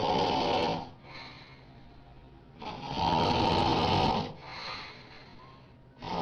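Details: Woman snoring very loudly while asleep: loud, harsh rattling snores on each in-breath with softer out-breaths between, about every three seconds, roughly 20 breaths a minute.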